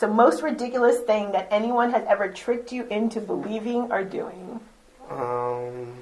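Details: Adult woman speaking; normal speech.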